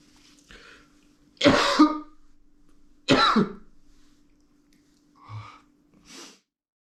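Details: Man getting sick after coming home from work in the cold, with winter sinus trouble. Two harsh throat-clearing bursts followed by softer breathy sounds.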